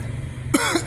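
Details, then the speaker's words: Single short, harsh adult cough attributed to dry-season weather change, over low steady background hum. "lagi musim kering pada batuk guys"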